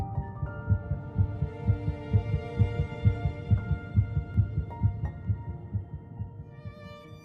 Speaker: At 3 weeks and 1 day, just 22 days after fertilization, heartbeat can be detected.